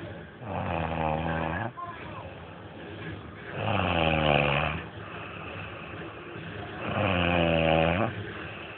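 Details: A person snoring: loud, rattling inhaled snores about every three seconds, with quieter breaths between them; typical snoring.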